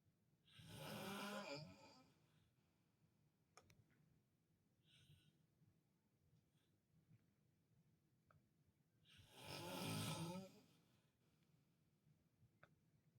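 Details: Adult man (father) snoring while asleep at a hospital bedside, keeps snoring as nurses walk in: two loud, rough snores about nine seconds apart with quiet breathing between.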